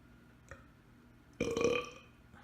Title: Burping on Command